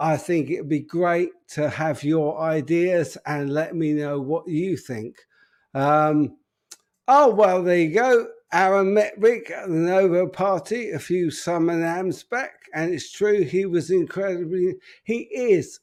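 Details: Adult man with an upper motor neuron disorder affecting speech, progressively more evident and currently worse; real, unacted live speech showing spastic dysarthria (upper motor neuron).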